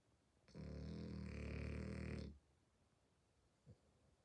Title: Hearing my frenchie snore for one minute straight is amusing.